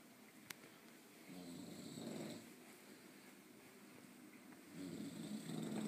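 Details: Dog (Tulip) snoring loudly: two slow, rumbling snores on in-breaths separated by quieter breathing in a small room; ordinary snoring.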